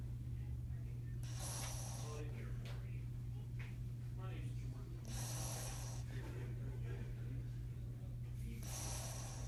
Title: Labrador sleeping and snoring compilation